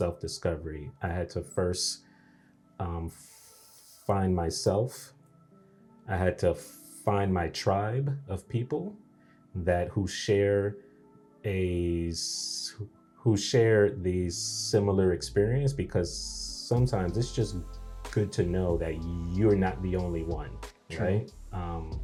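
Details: Adult man who has stuttered since age three, onset after a bad dream; audible word repetitions; stuttering.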